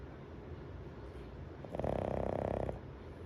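A single brief fluttering, buzzing snore rising out of noisy room background: snoring.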